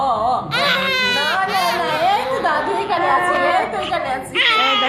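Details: Newborn boy just after birth: loud, high-pitched crying in repeated wails with short breaths between, a vigorous cry, family voices nearby.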